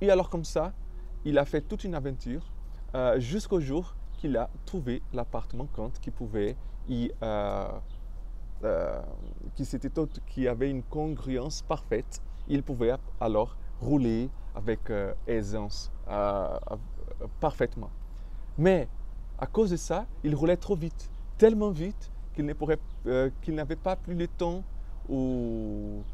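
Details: Adult male French speaker with stuttering, which he describes as having blocked him.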